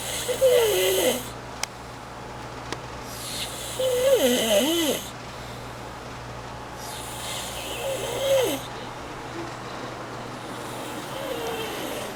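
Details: Heavy snoring from a sleeping nephew: loud, rattling snores about every four seconds, roughly 16 breaths a minute, with a steady hum in the room.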